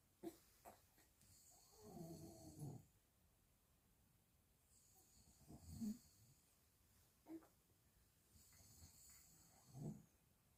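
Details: Father snoring beside a newborn baby who cannot sleep: faint, low, rattling snores recurring irregularly about every four seconds over steady room hiss.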